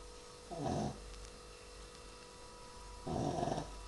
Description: My shih tzu fluffy snoring. He was reaaally tired.